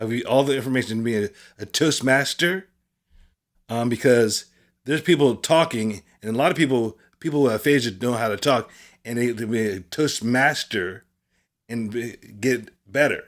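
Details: Adult man with aphasia who attends speech therapy every Monday; aphasia.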